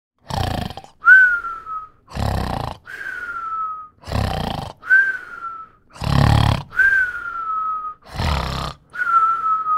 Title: Snoring sound effect